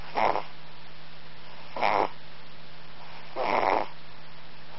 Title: Cat snores